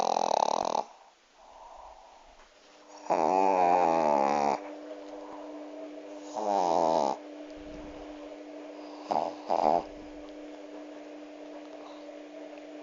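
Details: Dog snoring: loud, buzzing snores in irregular bursts, some long and some brief, over a steady background hum.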